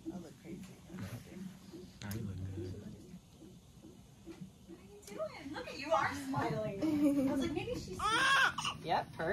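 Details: Soft room noise and voices, then a newborn boy's rising, wavering first cries at hospital delivery, after home labor with contractions.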